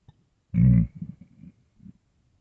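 Deep gurgling rumble followed by softer bubbling gurgles; stomach growling from a hungry, bloated stomach.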